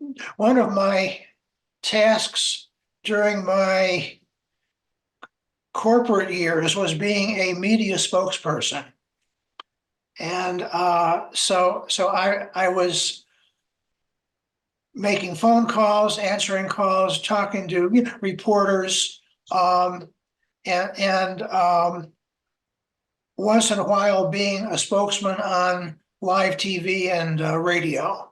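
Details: Adult man who stutters, with word and phrase repetitions; stuttering.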